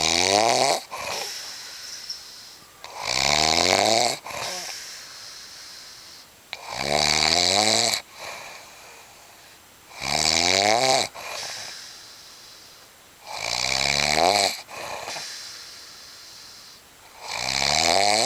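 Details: Loud, harsh, rattling snores on each inhalation, about 17 a minute, with softer breathy exhalations between; snoring.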